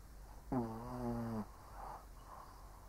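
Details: Old Shih Tzu asleep: a single drawn-out, rumbling snore lasting about a second, followed by quiet breathing, over low room hum; dog snoring.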